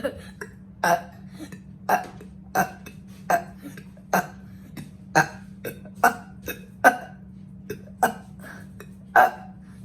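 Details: Deliberate on-command burping in a one-minute burp-count challenge (about 55 counted): short belches repeating every half second to one second, about a dozen here, over a steady background hum.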